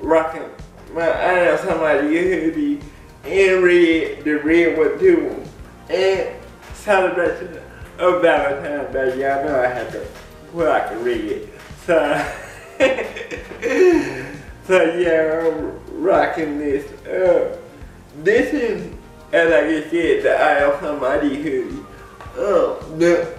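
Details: Dysarthria in an adult man with cerebral palsy; people have laughed at the way he talks since childhood. Cerebral palsy is named, but no speech disorder is formally named.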